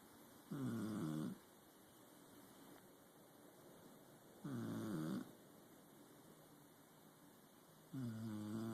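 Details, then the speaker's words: Regular buzzing snores on each breath, about sixteen a minute, in a quiet room; ordinary snoring. "You are snoring. Shh. No snoring."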